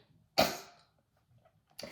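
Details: One sharp, dry cough burst followed by the start of a second, from a young speaker in a quiet room: cough.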